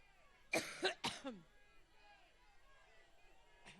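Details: A short coughing fit of about three sharp, harsh coughs, then a brief voiced trailing sound and quiet room noise, from a woman speaking at a political rally; cough.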